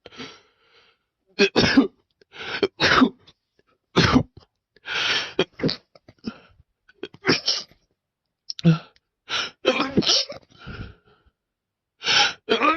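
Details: A desperate, intense sneezing fit after sniffing too much chhinkni: about a dozen forceful sneezes with gasping breaths and throat noises between them.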